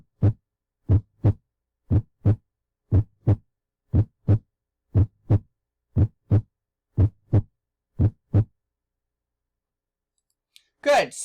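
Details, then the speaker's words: Normal heart sounds played in a heart anatomy class: clear paired lub-dub beats, steady at about 60 a minute, ending in a brief rustle. The first sound is strongest, from ventricular contraction as the atrioventricular valves close. "as the valves open and close they will make the heart sound which is heard as ldub ldb ldub"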